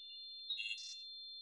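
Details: Tinnitus simulation.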